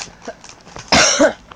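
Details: A single sudden explosive sneeze from a friend, heard over game voice chat during online play.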